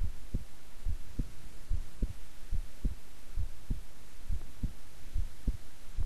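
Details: Own heartbeat recorded at length while keeping still and relaxed: steady low paired beats at about 70 a minute over a faint hum; regular rhythm, normal heart sounds.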